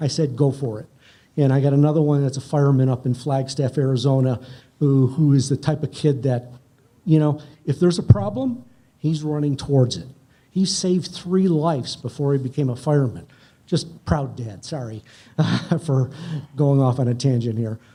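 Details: Adult man speaking; unaffected speech.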